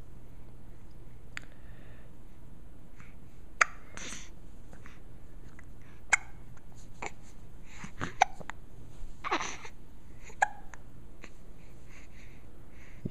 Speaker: the hiccups are awful i know sorry this is purely for medical research